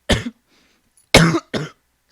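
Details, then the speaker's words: Three short, dry coughs from an adult in a quiet room during a livestream; says he is not sick, reports a negative COVID test a couple of weeks earlier, and says coffee isn't helping. "hold on hold on i gotta stop coughing i can't i j the coffee is not helping guys i don't want water i'm not sick i'm not sick i swear"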